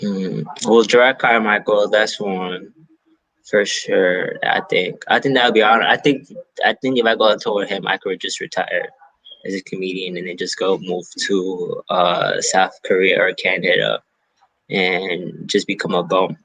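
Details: Stuttering in an adult male stand-up comedian who says he has a stutter; real, spontaneous interview speech.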